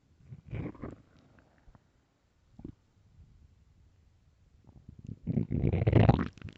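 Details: Extremely loud morning stomach growls: low gurgling and rumbling bursts ending in a long, loud growl; normal borborygmi from gas and fluid moving through the gut.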